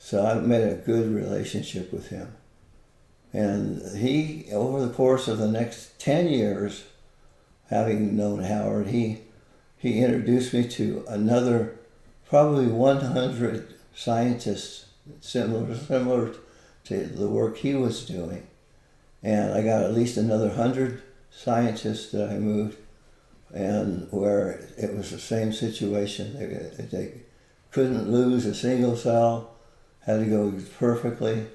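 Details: Man with Parkinson's disease for more than 20 years, visible shakes, and reported moments of 'a stupor of thought'; speech with frequent word and phrase repetitions, possible hypokinetic dysarthria.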